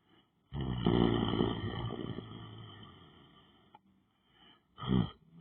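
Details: Man lying on the floor asleep: a long, loud, rattling snore on a breath in, then a shorter rough snore after a pause; snoring during sleep.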